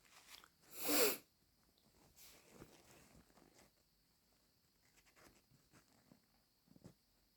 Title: Sneezing... am I catching a cold again? 😅😅